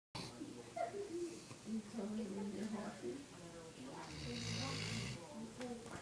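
Loud, rough, rattling snores from a sleeping dog, with a long noisy breath in the second half.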